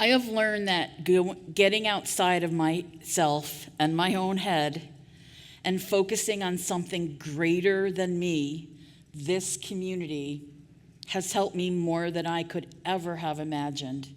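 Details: Real stuttering in an adult woman who stuttered covertly for years before speaking openly.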